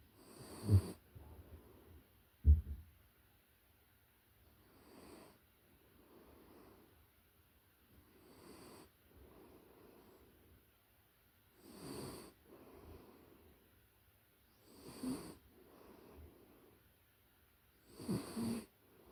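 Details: Puppy in deep sleep, recorded close up: soft, low rhythmic snuffling snores and breaths with occasional louder snorts, snoring.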